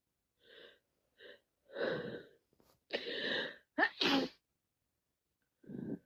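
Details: Sneezing with a head cold: short catching breaths build into a forceful wet sneeze, followed by a sniff.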